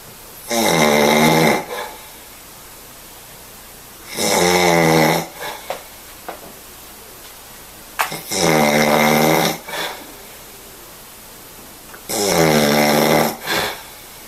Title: Loud Snore 3